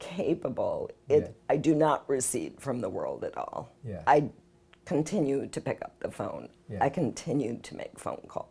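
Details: Spasmodic dysphonia, a rare neurological voice disorder, in an adult woman whose symptoms began possibly 6 years earlier.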